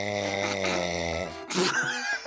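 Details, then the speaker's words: Adult owner snoring loudly, described as being like thunder, while a cat stares at them: a steady, low, buzzing rumble, then a brief snort-like breath. "飼主が雷みたいなびきをかき始めるとじっと睨みつける猫。"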